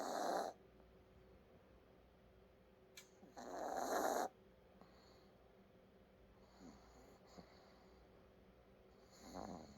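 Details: Snoring: rhythmic raspy snoring breaths with softer snorts between, about 16 a minute, in a quiet room.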